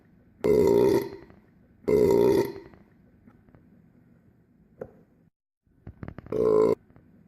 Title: Burps on Replay